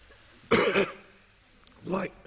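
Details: Adult male, Australia's treasurer, with a throat tickle during a parliament speech before coronavirus testing: two short harsh bursts, a cough then voiced throat-clear, in a quiet room; cough.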